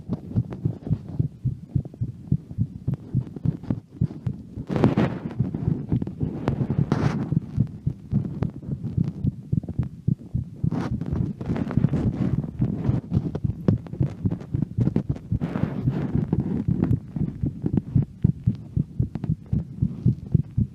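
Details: Heart sounds recorded while walking around at home: quick heartbeat thumps around 110 a minute, mixed with rubbing and movement noise from walking.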